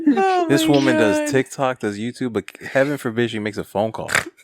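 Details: Adult woman speaking; Normal speech.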